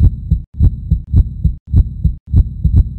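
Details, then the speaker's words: Simulated heartbeat, rapid and regular at about 105 beats a minute: tachycardia, an abnormally fast heartbeat, an arrhythmia from a change in the heart's electrical conduction system. "An arrhythmia can be an abnormally slow heartbeat or an abnormally fast heartbeat."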